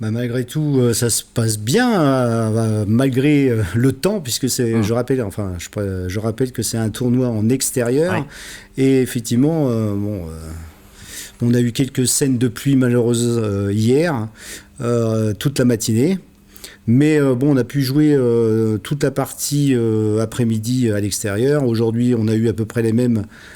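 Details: Adult man speaking French; ordinary speech.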